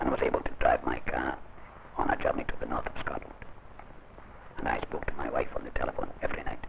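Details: Adult man whose larynx was surgically removed uses esophageal speech, producing sound by swallowing air and bringing it back up. He learned it under instruction, gave up his writing pad 2.5 months after the operation and is still improving.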